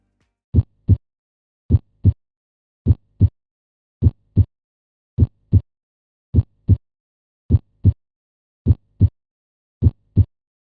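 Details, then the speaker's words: Simulated normal heart sounds: clean paired lub-dub (S1 and S2) at about 52 a minute with silent pauses; S2 from pulmonary and aortic valve closure. "And the S2 heart sound occurs when the pulmonary and aortic valves close."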